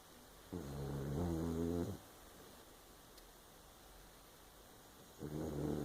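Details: Two loud, low, rattling snores on inhaling, with quiet pauses between them, over steady background hum; snoring.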